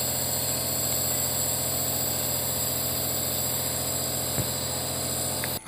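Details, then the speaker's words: Nebulizer air compressor running during nebulization of a baby without a mask, drug mist inhaled through the nose: steady buzzing motor hum with a high hiss throughout. "ctricity wire and switch the machine machine so the dwelling becomes into pine mist and it will go directly into lungs through nose and dilate diaries no it can be given with mask or without mask"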